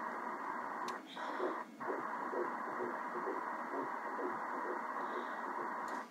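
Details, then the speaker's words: Doppler ultrasound of twins at 6 weeks 3 days, fraternal: fast, regular whooshing fetal heartbeat of the second twin, about 131 a minute, over steady ultrasound hiss; the first twin measured about 122. "So this baby's heartbeat is right about 122 beats per minute."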